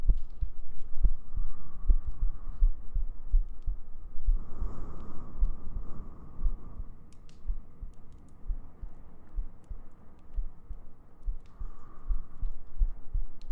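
Steady soft heartbeat thumps with a low hum and gentle breathing over them.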